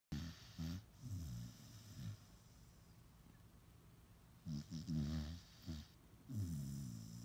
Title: Mini Pit snoring